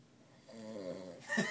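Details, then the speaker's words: Adult man sleeping on his side at 2 a.m., who had claimed he doesn't snore: a single rough, buzzing snore on the in-breath fading into a short snort, quiet room behind: ordinary snoring. "He's cutting Z's. And the worst part about it is, if people could see this, he's laying on his side. Who the fuck snores laying on their side?"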